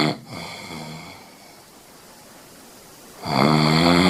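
A loud, buzzing, drawn-out breath at the start and end with quieter breathing between: snoring.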